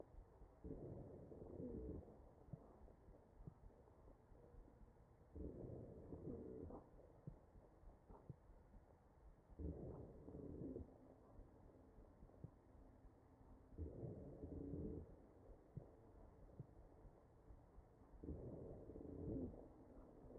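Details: Wheezing in a mechanically ventilated patient, recorded through the chest.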